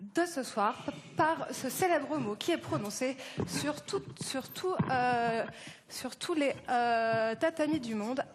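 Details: French-speaking participant giving an on-stage speech at a stuttering eloquence contest; audible repetitions. Stuttering.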